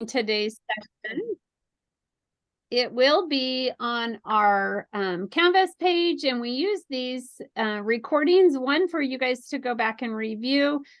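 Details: Adult female speaker; normal speech.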